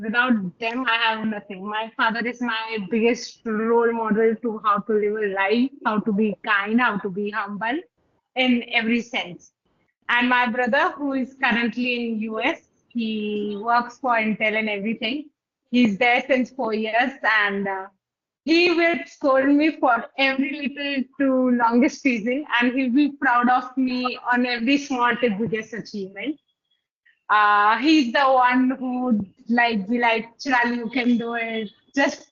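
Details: Adult woman speaking; Normal speech.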